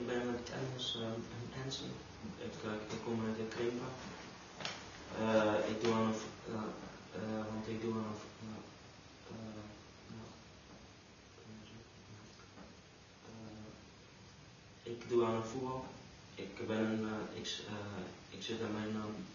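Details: Stuttering in a Dutch-speaking male recorded on the first day of a stuttering course in 2010, before learning a fluency technique; he later overcame his stuttering.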